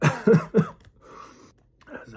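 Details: Three quick, harsh coughs, then a softer breath out and a short throat-clear, just after eating an extremely hot Carolina Reaper and Trinidad Scorpion pepper chip; hiccups followed.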